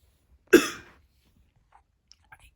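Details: A cough that interrupts someone reading comic letters aloud, followed by an apology for the cough.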